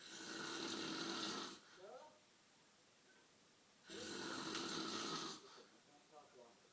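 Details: Sleeper snoring at night: two long, rattling, hissy snoring breaths with a quiet pause between them; snoring.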